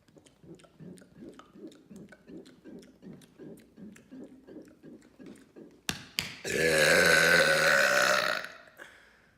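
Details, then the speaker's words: Loud burping: a run of quick, rhythmic gulps, then one long, loud, deep burp lasting about two seconds; one of a series of deliberate loud burps. "What's up guys, it's here, and today I'm going to be doing another really loud burps."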